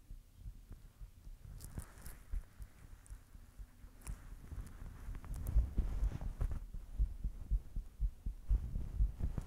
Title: My Heartbeat ☺️💓